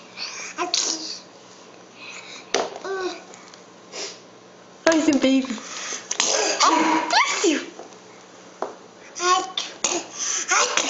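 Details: Several short, sharp sneezes from babies, mixed with babbling, laughter and adult voices.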